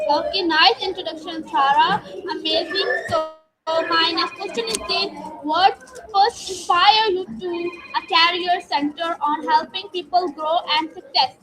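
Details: Adult speaker (interviewer); no speech disorder.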